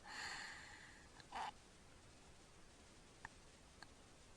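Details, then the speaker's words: Sleeping child with obstructive sleep apnea, tongue falling back: breath-holding episodes, clicks while trying to draw air, then a noisy breath and sharp snorting gasp as breathing resumes. "he's still holding his breath and that's going to gulp again there he goes"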